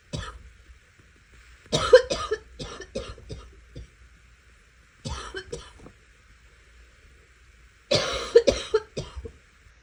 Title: Some rapid coughing